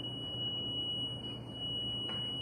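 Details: Defibrillator charging before cardioversion of a man with tachycardia (abnormally fast heart rate): steady high-pitched electronic tone over room noise as the defibrillator charges to deliver a shock that slows the rhythm.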